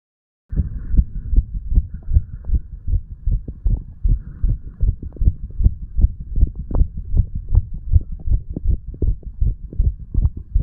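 Steady, rapid thumping heartbeat, about 75 to 80 beats a minute, clear low beats with little background.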